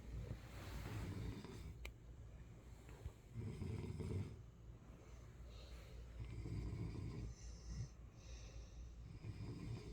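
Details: Loud, low rumbling snores in a steady rhythm with brief quieter gaps between them; ordinary snoring.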